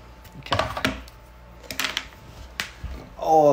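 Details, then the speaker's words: Knee crepitus on going down into a deep squat: several short, sharp cracking pops in a quiet room. The person dates the cracking to playing baseball catcher when younger. "knee did you hear that that was my knee cracking it does not all the time i think it was honestly from when i was playing baseball when i was younger"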